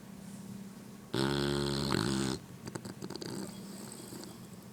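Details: A sleeping female English bulldog: one loud, buzzing, fluttering snore, followed by softer snuffling breaths; snoring.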